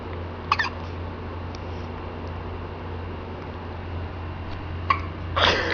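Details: Two brief, sharp hiccups about four seconds apart over a steady low hum, ending in a soft rustle; recorded on a Kodak C182 digital camera and said to include yawning; hiccups.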